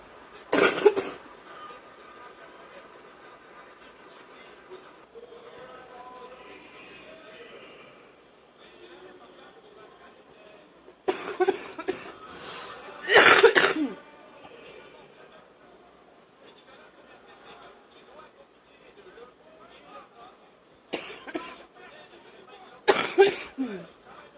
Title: # 33 watching tv and coughing up a storm